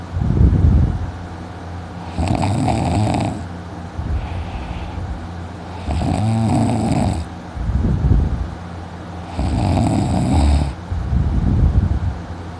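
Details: Heavy snoring, self-recorded after sleeping in, with throat now hurting: loud, rough, rattling snores on the in-breath, repeating roughly every four seconds, about 15 breaths a minute.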